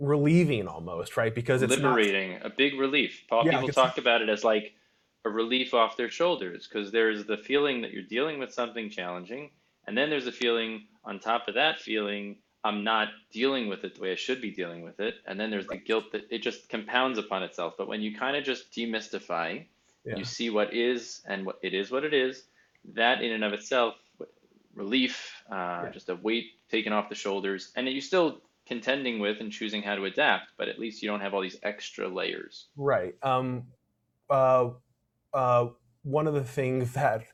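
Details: Adult male speaker; typical speech.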